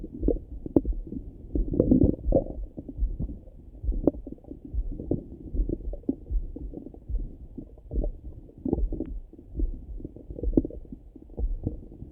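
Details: Low, irregular, continuous gurgling and rumbling heard through a stethoscope over the stomach in the morning; ordinary morning bowel sounds (borborygmi).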